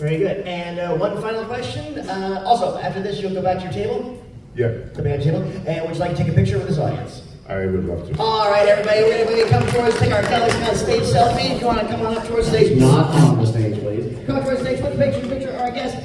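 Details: Adult male host and other speakers in a hall; typical speech.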